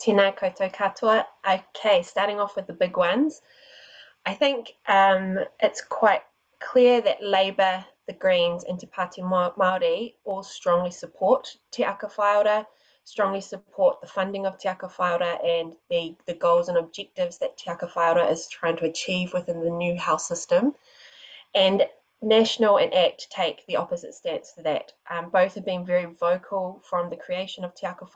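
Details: Adult woman speaking; ordinary speech.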